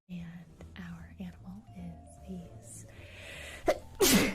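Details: Girl sneezing, tagged allergies and sinuses: quiet speech-like sounds and faint music, she says she is going to sneeze, then a short gasp and one loud explosive sneeze.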